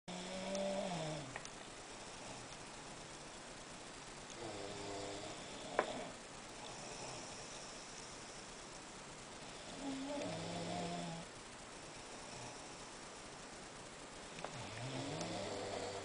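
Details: Roommate snoring during nightly sleep: slow, rumbling snores on each breath in, about 12 breaths a minute, with quiet room noise.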